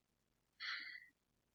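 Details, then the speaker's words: Clear breath sounds bilaterally heard over the back during a head-to-toe assessment: one smooth, airy deep breath lasting about half a second, with no wheeze, crackle or rattle. "okay breath sounds are clear bilaterally"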